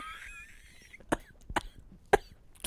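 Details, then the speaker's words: Woman coughing repeatedly during a live podcast, a cough that won't quit: three short, muffled coughs at a distance with faint music and room noise. "Go ahead, cough. Just go ahead. Go ahead. Lexi's going to cough for the next 15 minutes."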